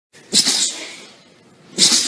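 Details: Small animal, dog or cat, sneezing: two sharp, hissing sneezes about a second and a half apart; ordinary sneezing.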